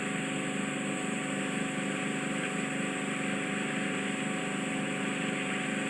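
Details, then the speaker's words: Endoscopic microsuction of deep, difficult ear wax close to the eardrum: a steady loud hissing suction roar with a constant mechanical hum as wax fragments wriggle and break up. "right on it there up you can see it can you see it's just wriggling just moving ever so slightly but again a little bit just jumped up didn't hold together"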